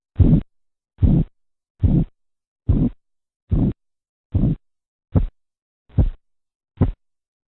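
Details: Korotkoff sounds during blood pressure measurement: nine regular low thumping taps at about 72 a minute, fading and shortening toward the end.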